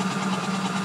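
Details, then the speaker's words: Seoil Pacific Comfort Cough insufflator-exsufflator demonstration in percussion mode, high frequency setting, inspiratory pressure reaching 36: steady buzzing drone with fast fluttering quality. "Это будет работать вот так . Процедура будет выполняться с заданной частотой, достигая давления 36."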